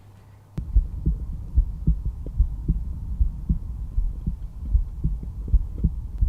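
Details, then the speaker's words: Normal heart sounds, lub-dub, at the aortic area, second intercostal space right sternal border, heard with a stethoscope. "The first area that we're going to listen to is the aortic valve area, which corresponds to the aortic valve. And now this is best heard over the second intercostal space right of the sternal border, which translates as the second rib space right of the breastbone."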